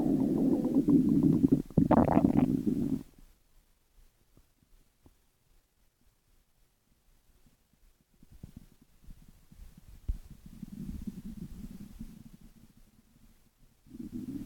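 Low gurgling rumbles, loud at first, then quiet, then returning softer: ordinary bowel sounds, stomach growling.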